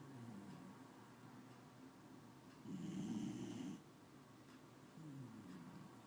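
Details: Snoring during sleep: soft, low rattling breaths with one louder, rougher snore in a quiet room.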